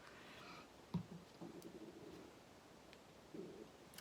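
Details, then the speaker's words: Faint low gurgling rumbles from an adult's stomach after lunch, ordinary digestive bowel sounds, with light paper-handling clicks: stomach rumbling (borborygmi). "excuse me that's my tummy rumbling hopefully you didn't hear that that's very embarrassing just digesting my delicious lunch"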